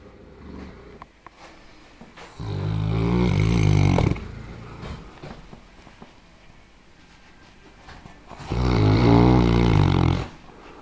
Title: Mastino snoring